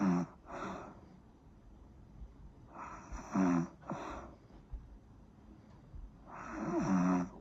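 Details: Snoring: rough, rattling snores with each breath in, about 18 a minute, with softer snorting sounds between them.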